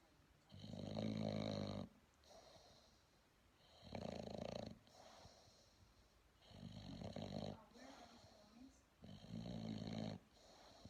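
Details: Bulldog puppy snoring: four long, rumbling, buzzy breath sounds about three seconds apart with quieter breathing between, about 20 breaths a minute.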